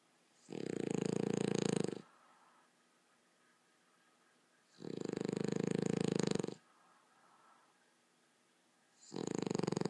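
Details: Loud rattling snores about 1.5 seconds long, one every four seconds or so, roughly 14 a minute, with quiet breathing between, during a seizure-free night's sleep; snoring.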